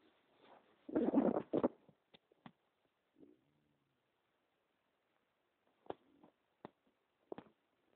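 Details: Own stomach rumbling: a gurgling rumble, then scattered pops, clicks and a brief squeak from gas and fluid moving; bowel sounds (borborygmi).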